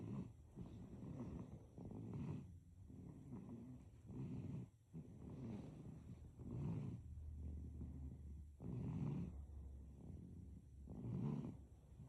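Soft rhythmic rattling snores with each breath, about 27 a minute, during sleep: infant snoring.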